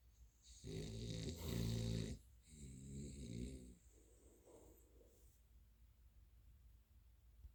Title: Snoring, dreaming pupper